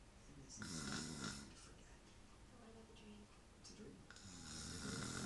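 Harsh, noisy snoring breaths with a rough fluttering sound, heard over some low background noise.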